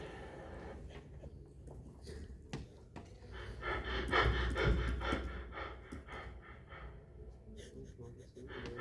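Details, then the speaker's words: Cheyne-Stokes respiration, attributed to cardiac damage: breaths gradually increase then gradually decrease, with a period of apnea before and after, giving a waxing-waning pattern. "Sin embargo, el patrón de Cheyne-Stokes es un aumento gradual seguido de una disminución gradual, y así es como se"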